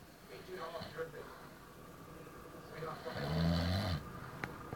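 Low, rattling snore building on a breath over background room noise; snoring during sleep.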